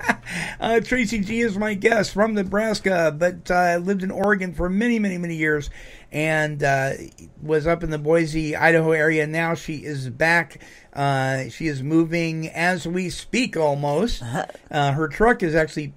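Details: Adult male radio host; typical speech.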